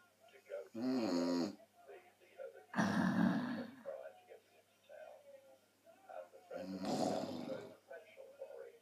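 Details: Elderly grandmother snoring during sleep, radio in background: loud, harsh, rattling snores in long bursts about every three seconds, quieter breathing between; heavy snoring.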